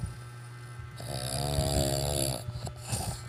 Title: snore. #snoring